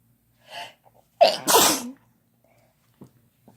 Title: Couple Sneezing Using Chhinkni